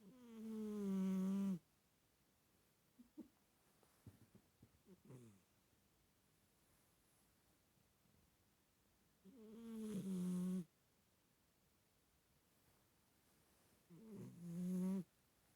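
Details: Siamese cat sleeping: three drawn-out, low, buzzing snores spaced several seconds apart, with faint rustling between; snoring.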